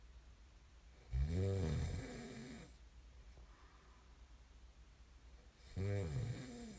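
Two loud, deep rattling snores on the in-breath, separated by a quiet out-breath, in a quiet room; ordinary snoring during sleep.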